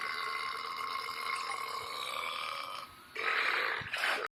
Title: burps compilation 61